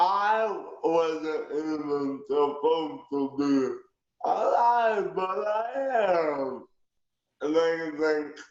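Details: Aphasia in a male wheelchair user born prematurely at 28 weeks weighing two pounds 14 ounces, who understands everything but has difficulty getting his message out.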